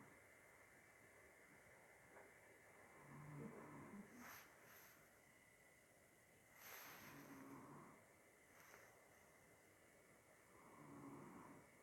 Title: This lady snores loudly while sleeping